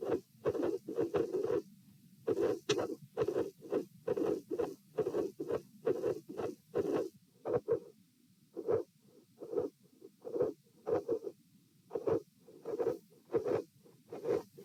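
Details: Dilated aortic root, recorded at position P while lying, sitting and standing, 66–72 bpm: irregular rhythm with midsystolic murmurs and cyclically split second heart sound, near 67 a minute.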